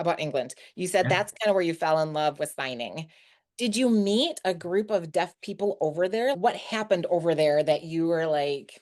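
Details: Adult female speaker; normal speech.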